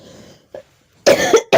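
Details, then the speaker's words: Person with cold, fever and cough since the previous day, coughing at night, after eating a lot of curd: brief faint sound, then two loud harsh coughs in quick succession, cough with cold. "तो दही ज्यादा क्यों खाए? अच्छा लगता तो खा लिए। हमको क्या पता सर्दी खांसी हो जाएगा"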